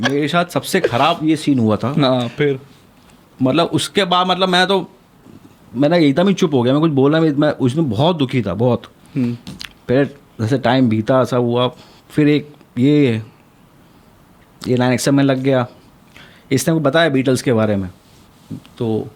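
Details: Male speaker with stuttering since childhood, severe in the past and still occasional now.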